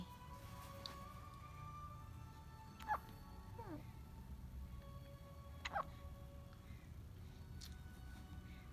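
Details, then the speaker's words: Someone with hiccups: two brief, sharp hiccup sounds about three seconds apart over soft background music and room noise. "Oh, were you having the hiccups?"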